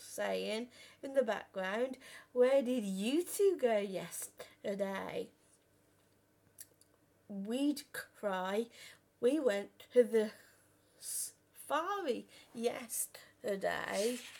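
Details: Stuttering in a 32-year-old adult who has stammered since about age five or six, worst on the phone; had speech therapy and learned breathing techniques at 15.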